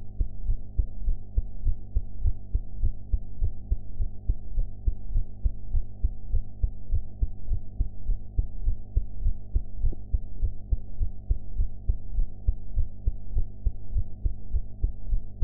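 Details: Steady, low thumping heartbeat at about 100 beats a minute over a constant hum, recorded after eating; ordinary heart sounds.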